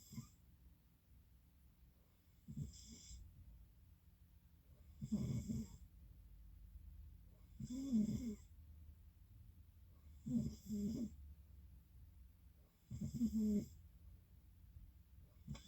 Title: Snoring again 2